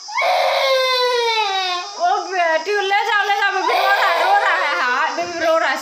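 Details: Baby crying continuously in high, wavering wails with brief catches between cries; infant crying.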